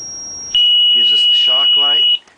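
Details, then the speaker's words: Zoll M Series biphasic defibrillator during semiannual inspection: pads connected to a defibrillator analyzer, energy set to 50 J and charged; a high steady ready tone sounds with brief speech. "so first we adjust our energy select switch to 50 we charge it when it reaches 50"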